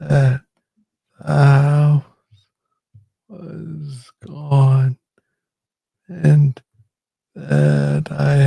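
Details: Adult man with Parkinson's disease diagnosed in 2014 at about age 35, first misread as tennis elbow; slow speech (bradylalia) in Parkinson's disease.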